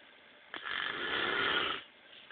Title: .........snoring compilation